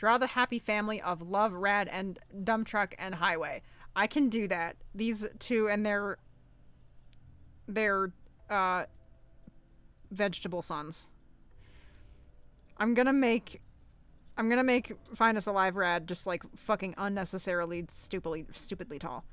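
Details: Stuttering in unscripted speech from a streamer who says they stutter badly.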